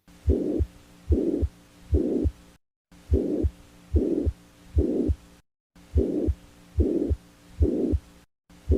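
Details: Pansystolic murmur heard with a stethoscope: a regular heartbeat near 70 a minute with a steady blowing murmur filling the whole gap between the two heart sounds.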